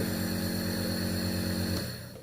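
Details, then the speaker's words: Steady low mechanical hum with a faint whine from a nebulizer compressor switched on and running, winding down at the end; normal operating sound. "अब इस button join करेंगे तो आप देखेंगे कि यह machine चलना शुरू हो जाएगी और इसमें हल्की-हल्की आवाज"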